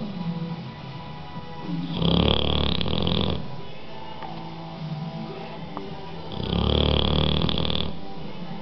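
Two long, loud, rattling snores about four seconds apart, with quieter noisy breathing between them. Snoring in a sleeping dog.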